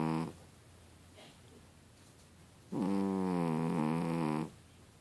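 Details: A cat sound asleep, snoring with a pig-like snore.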